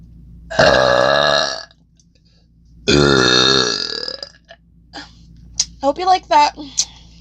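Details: Woman deliberately burping, recorded with a new microphone: two long, loud, voiced belches of about a second each, followed by brief vocal sounds.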